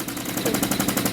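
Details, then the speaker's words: Simulated setup: high-frequency oscillatory ventilator running and connected to a mannequin, rapid steady mechanical thumping at about 12 per second; HFOV oscillating. "so as you can see here we have our oscillator now that is actually on and it's connected to our mannequin here"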